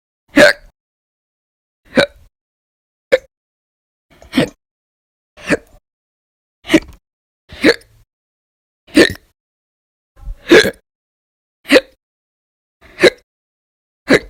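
About twelve sharp, abrupt hiccup bursts over 14 seconds, roughly 50 a minute, evenly spaced with quiet between them.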